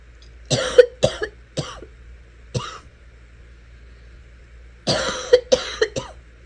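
Two bursts of rapid coughing, four coughs then three, separated by a brief pause.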